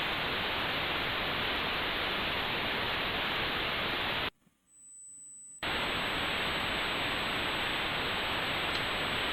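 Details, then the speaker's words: Simulated tinnitus illustrating hearing loss: a loud, steady hiss with a faint high whistle, briefly cut off, representing noise heard inside the head. "Tinitus son esos ruidos que nosotros escuchamos al principio de la grabación, ¿se acuerdan? Imagínense ustedes ahora teniendo que escucharme a mí mientras están escuchando este sonido y este sonido está dentro de la cabeza de uno, ¿no?"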